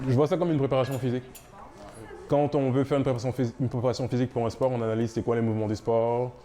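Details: Adult man speaking French; Normal speech.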